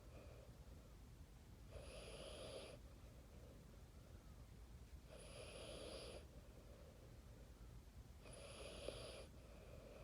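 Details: 4-year-old child, a deep sleeper, snoring while asleep; three soft, rasping inward breaths about 3 seconds apart over low room hum; snoring.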